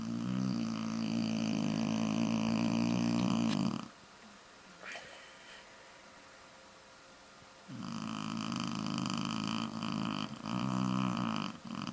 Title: Freddy the Shar-Pei Snoring!